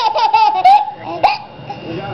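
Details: Baby girl laughing very hard in bursts, broken by an abrupt hiccup-like catch; laughing with hiccups.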